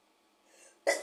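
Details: Induced sneezing: a faint drawn-in breath builds, then a single abrupt, explosive sneeze.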